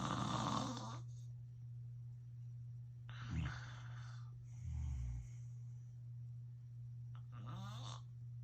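Loud, rough snoring breaths on inhalation, irregular in spacing, over a steady low mains-like hum; heavy snoring during sleep.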